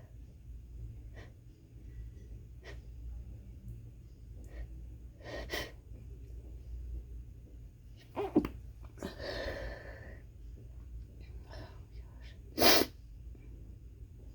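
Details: Quick stifled sneezing fit in an office where the person blames the air and says it has gone on all day: several short, muffled sneezes with quick breaths, ending in one sharper burst.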